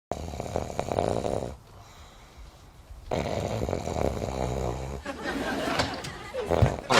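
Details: Loud, rattling snoring with a brief pause in the middle, from a TV comedy scene (Friends, Joey snoring), not a real recording.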